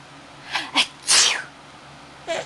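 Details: Two quick sharp sneezes followed by a stronger one, then a short meow; sneezing while a boy laughs.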